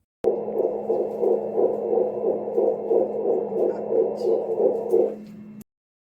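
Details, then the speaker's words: Early fetal heartbeat on a pregnancy scan: fast, regular whooshing pulses, about 170 a minute, normal finding. "అప్పటి వరకు కూడా pregnancy అన్న ఫీలింగే లేకుండా హార్ట్ బీట్ విన్నప్పుడు అసలు చాలా అంటే చాలా హ్యావ్ సమ్ ఫీలింగ్ అయితే వచ్చింది. ఇప్పుడు హార్ట్ బీట్ మీరు కూడా వినండి."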